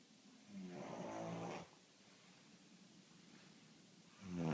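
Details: Soft, low snoring with a buzzing tone on the breaths in, in a quiet room; snoring.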